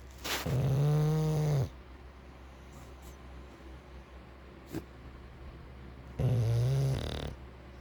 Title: English bulldog Bacon sleep and snore pls.Like and Subscribe